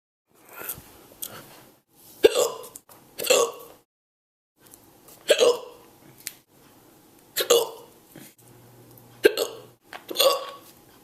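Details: Repeated short, abrupt gulping hiccups about every second or two, with a few quieter sounds between them.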